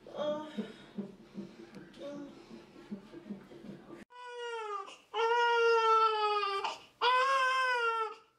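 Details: Newborn baby boy crying on the day of his birth: quiet fussing and murmuring, then loud, high-pitched crying in long bursts with brief pauses for breath.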